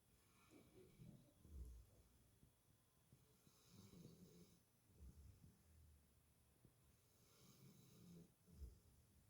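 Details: A pet sleeping, giving soft, low rumbling snores with each breath over quiet room noise; snoring.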